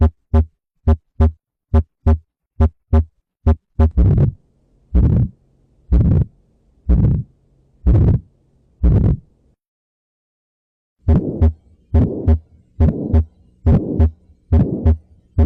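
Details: Regular lub-dub heart sounds at about 70 beats a minute, with a stretch where a whooshing sound fills the gaps.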